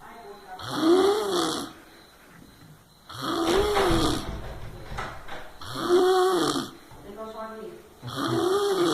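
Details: Drooling sleeper snoring: loud, groaning, tonal snores in a slow rhythm of about 24 a minute.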